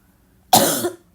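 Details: Person with a bad barking cough while trying to read: a single harsh, abrupt cough after a moment of quiet.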